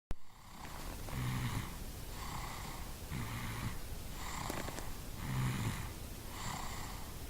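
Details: Person snoring: regular buzzing snores about every second, roughly 55 a minute, over steady background noise.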